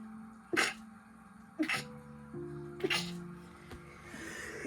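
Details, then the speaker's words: A person sneezes six times in a row: sneezing. "that was six sneezes I counted that was definitely six cities as that sound"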